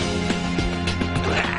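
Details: Man with lifelong Tourette syndrome, after brain stimulator treatment has reduced his spasms by about 80%: brief guttural, croaking involuntary vocal tics over a steady background hum.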